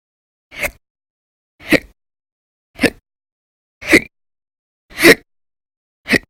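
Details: Audio-only recording of persistent hiccups over December 2019, described as violent and very loud; six sharp, abrupt gulping hiccups roughly once a second. Hiccups (singultus).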